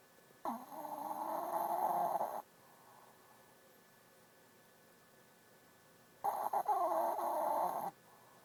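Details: Two long, rough, rattling breaths about six seconds apart with quiet between, from a pet sleeping under a desk: snoring.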